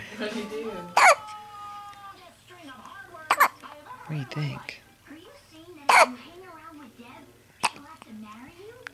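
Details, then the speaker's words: Little boy with morning hiccups: four abrupt, sharp hiccup bursts several seconds apart, between an adult's soft baby talk; hiccups. "who is that little boy got to he hiccups this morning"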